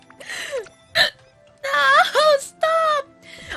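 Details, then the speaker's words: Woman gets hiccups during a live game stream, wondering if excitement caused them: sharp, abrupt voiced hiccup among short vocal outbursts, faint background music; she says one jolted her. "oh no i have the hiccups no and the food's ready why did i get them did i get too excited"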